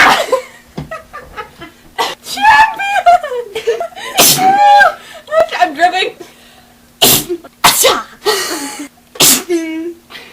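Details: Girls deliberately inducing sneezes: several sharp, explosive sneezes with sudden onset and brief pauses, with voices and chatter between them in a small room.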